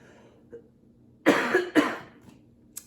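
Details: Two harsh, abrupt dry coughs in quick succession, no rattle or gurgle, from an adult man talking on camera who says he was extremely sick the past week.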